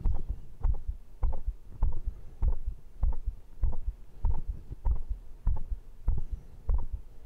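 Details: Heartbeat recorded after a workout of dips, abs, diagonal pull-ups and arm curls: regular, strong double heartbeats; normal heart sounds, quickened by exercise.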